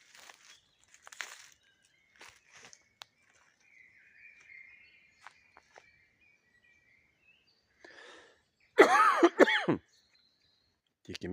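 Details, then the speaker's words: Elderly man in quiet oak-beech woodland with birdsong gives two loud, harsh coughs in quick succession; a plain cough. "соловейки один гарніший від другого витьокують не Та як я кашляю старий дід чуєте"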